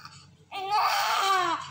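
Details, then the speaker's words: A NICU newborn with abdominal distension and colic pain breaks into a loud, strained cry after a few quiet seconds, during a glycerin suppository procedure; distressed infant crying. "Now this is the correct drops as mean as drops remember in pain and gas blotting and [screaming] discomfort. Check the baby is very discomfort for us."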